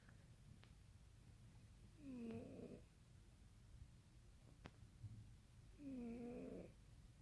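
Two soft, drawn-out snoring breaths from a sleeping cat, with quiet room noise between them.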